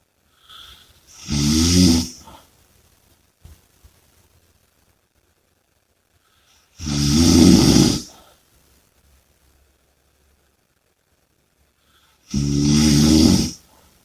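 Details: Loud, rattling snores, each about a second long, in a steady rhythm of about five breaths a minute with quiet gaps between; snoring with heavy breathing.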